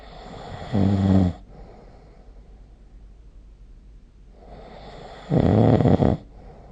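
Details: Sleep snoring recorded with the SnoreLab phone app. Two loud, rattling inhaled snores about four and a half seconds apart, with quiet breathing between; snoring.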